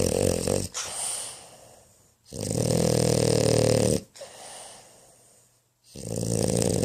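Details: Sleeping animal's snoring: loud, rough snores with rattling inhalations and quieter exhalations, about three breath cycles heard.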